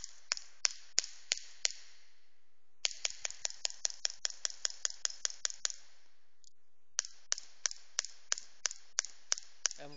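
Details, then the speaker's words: Pneumatic radial shockwave therapy device (LGT-2510B, pressure 1–5 bar) in a special pulse mode for patients who cannot tolerate long shots: sharp clicking bursts about once a second, grouped with pauses between series. "now only the voice from the applicator the machine you can you can pay attention for the machine the machine is very very silent because we use very powerful uh oil your compressor"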